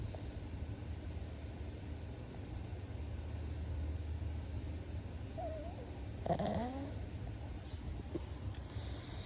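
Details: Steady low rumbling snore with a brief squeak; a pug snoring, possibly dreaming, in sleep.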